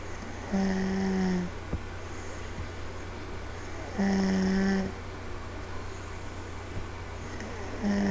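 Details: Two-year-old girl fast asleep on a parent on the couch, recorded on a laptop. Rhythmic, low, buzzing snores about every 3.5 seconds (roughly 17 a minute) in a quiet room with a steady hum.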